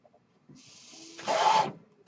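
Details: A home mechanical ventilator used by the podcaster while speaking: a soft airy hiss swells into a louder whooshing rush with a faint whistle, then cuts off, one breath cycle.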